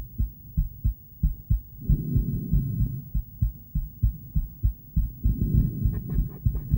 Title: Female heart, ultrasonic device, heartbeat sound